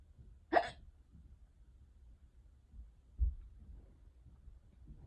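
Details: One sharp, abrupt hiccup and a quieter second catch a few seconds later, in a quiet room; unusually bad, long-lasting hiccups.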